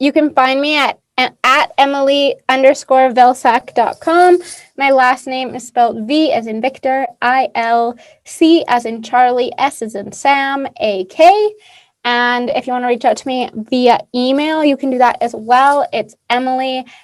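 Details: Adult woman speaking; normal speech.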